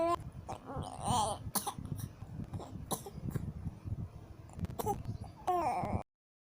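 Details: Infant making a few short, deliberate pretend cough-like bursts between squealing vocal sounds; voluntary (fake) cough.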